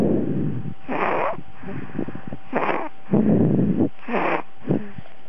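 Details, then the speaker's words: Sleeping baby: soft, rough, snorting breath sounds in repeated bursts; mild snoring. "Is he snoring? Mm-hmm. He's snoring? Okay."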